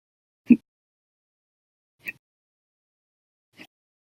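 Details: Hiccups on 8/18/19 after eating breakfast and lunch and drinking 2 cups of soda after dinner, an episode lasting 12 hours 36 minutes: three short, abrupt hiccups about 1.5 seconds apart, fading in loudness, in silence.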